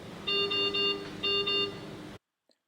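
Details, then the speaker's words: Anaesthesia workstation checkout: test lung disconnected to check the disconnection alarm, which sounds as two repeated high electronic alarm tones over machine hum. "Now disconnect the test lamp. Check whether disconnection alarm is working."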